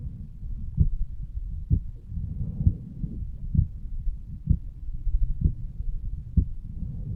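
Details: Heartbeat self-recorded over the aortic valve area by a 35-year-old male lying on his side, with faint blood-flow sounds between beats: normal heart sounds.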